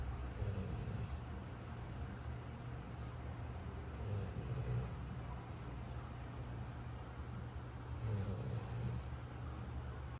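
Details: Soft, low, rumbling snores about every four seconds, about 15 per minute, from a sleeping animal over steady room noise; snoring.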